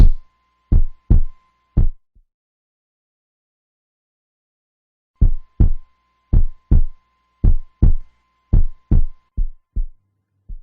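Soft regular low thumps in lub-dub pairs after a pause, about 54 a minute, with a faint hum; a normal resting heartbeat.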